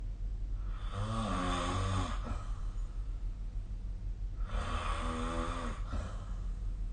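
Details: Snoring during sleep, likely recorded with the SnoreLab app: two loud, rumbling snores on in-breaths, each about a second long, over a steady low room hum.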